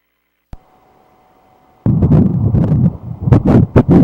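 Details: Ultrasound Doppler at 7 weeks 2 days of pregnancy: after a short quiet stretch, fast rhythmic whooshing pulses of the early fetal heartbeat.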